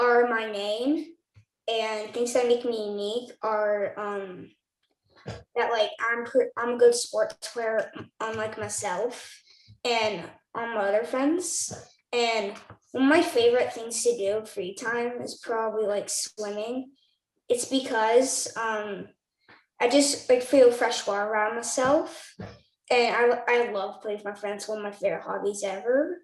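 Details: 9-year-old boy who clutters, which he describes as talking too fast; cluttering.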